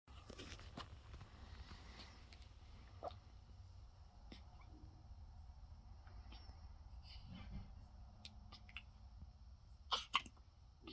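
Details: 9-day-old newborn girl waking up with hiccups: faint, quick hiccup jerks with a close pair near the end, over low room noise.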